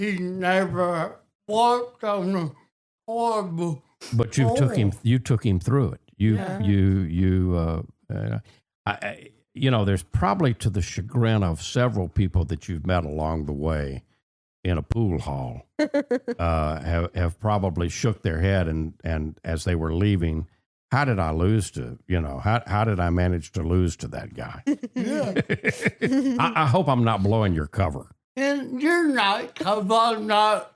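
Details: Adult man with cerebral palsy and a speech impediment since childhood: dysarthria (cerebral palsy).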